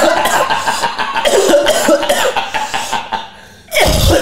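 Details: Quick run of short, harsh coughs without wet rattle, then a louder noise, from an autistic child; adults call it a dry cough and suspect only an allergy, possibly from dust; a dry cough.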